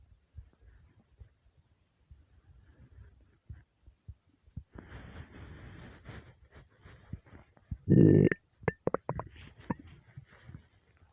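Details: Starving, hungry stomach; quiet low rumbles and gurgles building to a loud gurgling growl midway; borborygmi, normal hunger bowel sounds.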